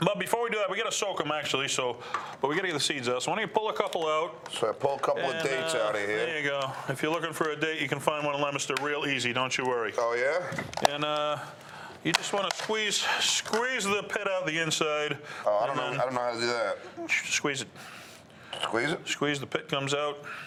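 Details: Adult men talking; normal conversational speech.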